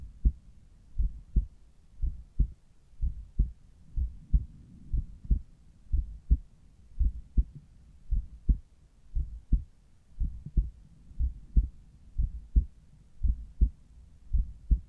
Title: Morning Apex- Heartsound, with Littmann Cardiology 4 Stethoscope.